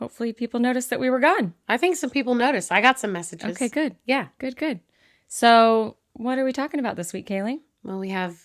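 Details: Adult woman, conversational speech; healthy voice.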